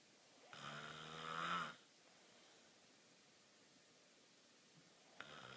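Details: A brother snoring: one loud, buzzing snore on a breath in, then a long quiet pause, then the start of another snore.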